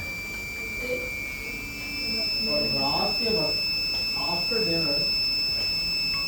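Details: eVent Medical Inspiration LS ventilator during calibration with a Fluke VT Plus HF gas flow analyzer: a steady, high-pitched continuous alarm tone under a man talking.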